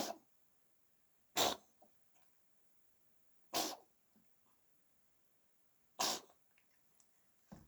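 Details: Cat with a cold sneezing repeatedly, ongoing for about 20 minutes: three sharp, explosive sneezes a couple of seconds apart, with soft snuffles between.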